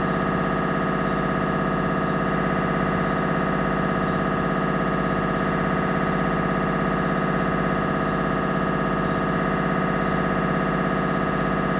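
Loud, steady buzzing drone with a fast regular pulsing and a faint click about once a second: MRI scanner noise during imaging.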